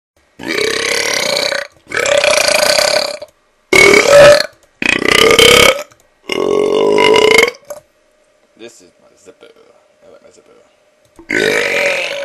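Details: Hyper person burping deliberately: six loud, prolonged, forceful belches in quick succession with a short quiet pause.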